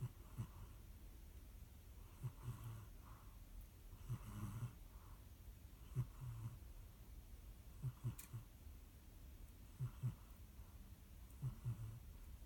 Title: Кошка храпит и дрыгается